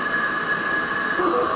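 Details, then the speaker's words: Minipegaso cough assist machine in automatic mode, delivering air according to set timings: steady whooshing airflow with a faint whine during the insufflation (inspiratory) phase. "accensione e poi in questo periodo respirazione d'ispirazione l'ispirazione mentre in automatico eroga in base ai tempo impostati accensione e la macchina parte la sua ispirazione"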